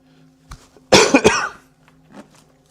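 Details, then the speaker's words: Adult coughing while partly covering the microphone: a quick, slightly muffled run of two or three dry coughs against faint steady room hum; ordinary cough. "I keep covering the mic when I cough, and it's not working because I can hear it coming through."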